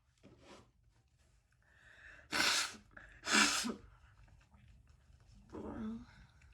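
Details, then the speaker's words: A catching breath, then two explosive sneezes in quick succession and a softer breathy sound in a small quiet room, from a woman trying unsuccessfully to hold a sneeze in; sneezing. "we gonna see how long i can hold a sneeze in so we gonna try that okay it didn't last long"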